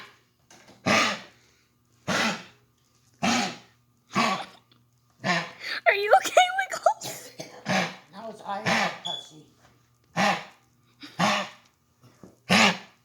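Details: A dog gives a run of about ten short, harsh, dry coughs, roughly one per second; dog cough.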